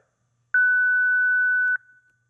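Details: Single steady high-pitched electronic tone just over a second from a ZOLL Zenix monitor/defibrillator in manual-mode advisory Analysis/CPR protocol, around "Stand clear. Press shock. Perform CPR" prompts; instructional demonstration.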